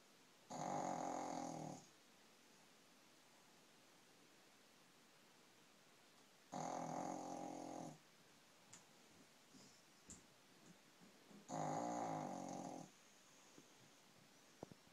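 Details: Sleeping dog snoring: three loud, rattling snores on breaths about five seconds apart, roughly twelve a minute, with quiet between them.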